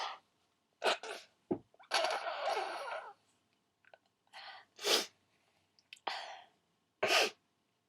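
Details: A requested run of several loud wet sneezes: sharp explosive bursts with breathy build-ups between them.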